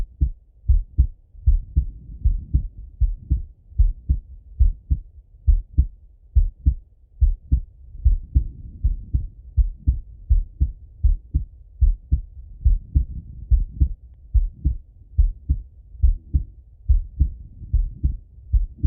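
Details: Male heart auscultated with a stethoscope, recorded partly sitting at a desk and partly lying in bed: steady lub-dub about 71 a minute, clear paired sounds, no added noises; normal heart sounds.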